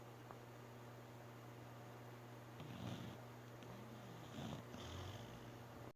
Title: sleeping, snoring, dreaming